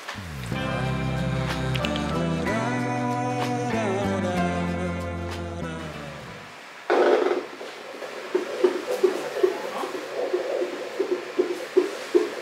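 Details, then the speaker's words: Fetal heartbeat on Doppler in hospital the day before delivery, reported normal at 155 beats a minute: rapid rhythmic whooshing pulses after background music. "นหัวใจของเบบีเราปกติดีนะครับอยู่ที่155เนาะ"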